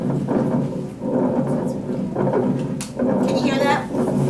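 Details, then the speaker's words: Coarse crackles played from a speaker during a heart and lungs lab: loud crackles, with some static from the speaker; coarse crackles. "some of it might be staticky but that's what cracks them and those are coarse crackles coarse crackles are really loud"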